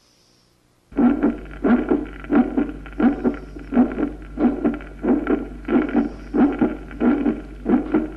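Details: Loud first heart sound, best heard at the cardiac apex (lower half of the precordium), described as intense, long, low-pitched "tum/lb" following the long diastolic pause: a loud musical first heart sound.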